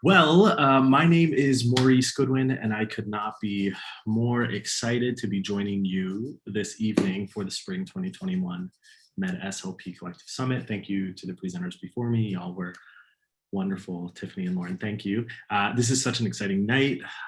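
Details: Adult man; normal speech.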